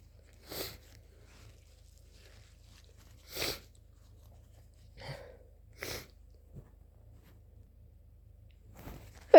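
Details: Person with flu gives several sharp, wet sneezes in a quiet room, four or five in about nine seconds: repeated sneezes.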